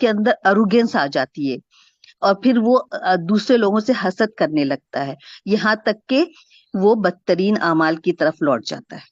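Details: Adult woman speaking; normal voice.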